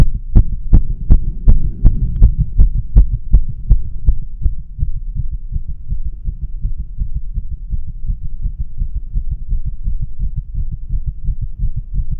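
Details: Fast, regular pounding heartbeat about 160 beats a minute with low steady hum; a random tachycardia attack at rest, no exercise or caffeine, with dizziness, shaking, breathlessness.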